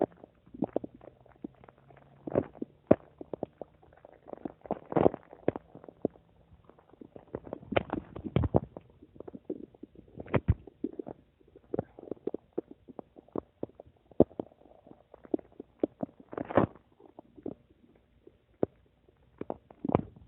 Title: My Stomach making noise 8